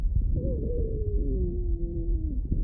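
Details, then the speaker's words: Lung auscultation teaching example: a continuous musical whistle sliding slowly downward in pitch over breath sounds, a wheeze (sibilo) from narrowed airways. "Isso aí é um sibilo."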